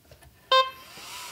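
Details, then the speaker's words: Single brief signal tone as the arm of a corpuls cpr mechanical CPR device is switched on during a function test; LED briefly lights white, self-test completed without errors. "LED briefly lights up white. We hear the small signal tone."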